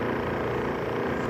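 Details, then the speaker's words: Constant airy mechanical whir with a steady motor tone from an Eclipse 5 portable oxygen concentrator running on continuous flow at 1.0 L/min, with the green light showing proper operation. "this green one adjacent to the power button this indicates proper operation as you can see now we're running at one liter per minute 1.0 lpm"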